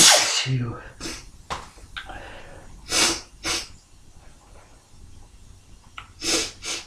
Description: Some tickly induced sneezes, quite forceful but my mic isnt picking up thee explosiveness for some reason, either way let me know if you like, if you like lol.